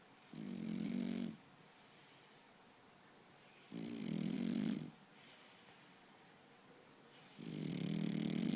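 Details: French bulldog snoring while falling asleep: three long, harsh snoring breaths roughly every three to four seconds, with a faint whistle on the breath.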